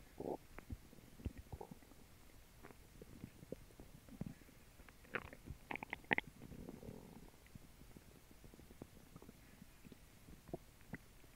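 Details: Irregular gurgles, squelches and low belly rumbles after a lunch of grilled cheese sandwich and water; active normal digestive bowel sounds (borborygmi).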